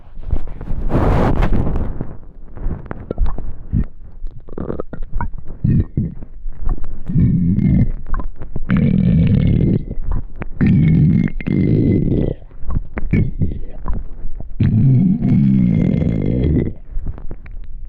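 Loud, low gurgling and rumbling stomach growls in long rolling bursts, with some squeaky pitched gurgles. Hunger-related bowel sounds, normal.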